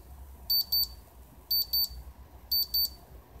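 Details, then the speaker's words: Vicks digital thermometer, opened up for modification, measuring temperature held in the hand: pairs of high, shrill beeps about once a second, the completion beep signalling the final reading. "I'm measuring a temperature in my hand again I think I've done something to like ruin that beep okay there we go"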